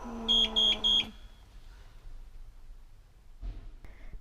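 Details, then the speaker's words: PneuPac ParaPac ventilator, paramedic demonstration: three rapid high-pitched electronic beeps, then quiet; a ventilator low-pressure alarm, sounding when pressure drops below 10 cmH2O from a leak, insufficient tidal volume or settings, or a faulty circuit valve. "low pressure means leakage or insufficient tidal volume or settings or a faulty valve in the patient's circuit this alarm tends to occur when pressure drops below 10 centimeters of h2o"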